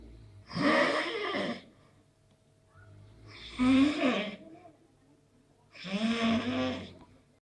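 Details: Three voiced, groaning breath sounds a few seconds apart, loud against a quiet room: snoring.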